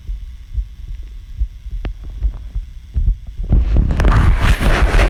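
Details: Own heartbeat recorded by the person for heart-sound detail rather than rhythm, asking whether it sounds healthy; soft low heart thumps, then drowned out by loud rubbing and handling noise.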